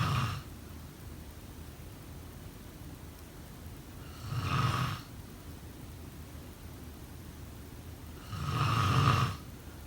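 Rough, low rattling snores on the breath, about three in ten seconds, roughly 14 a minute, with steady room noise between them.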